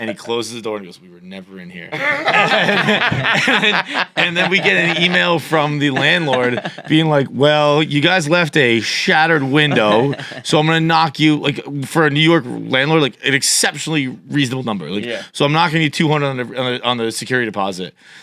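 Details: Adult male speaker; conversational speech.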